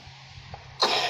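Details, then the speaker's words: Young child coughing while playing at cooking with toy food, told to cover her mouth when coughing: a single sharp, loud cough after quiet room sound. "Kalau batuk ditutup."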